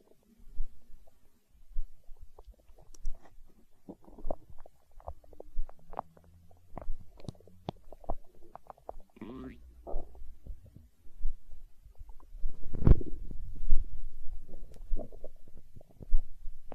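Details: Stomach growling from hunger, with low irregular gurgling and rumbling bursts and a longer growl near the end: borborygmi.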